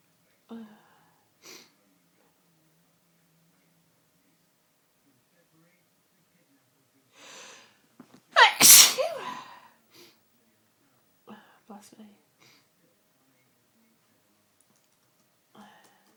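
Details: Sunday-evening sneezing fit that began within the last hour: faint breaths in a quiet room, a sharp intake, then one loud explosive sneeze followed by small sniffs; sneezing.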